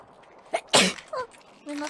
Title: HOLY SNEEZE DAY